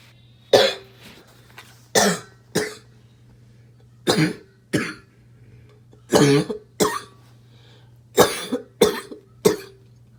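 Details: Barking cough from an adult smoker; the cough comes while smoking.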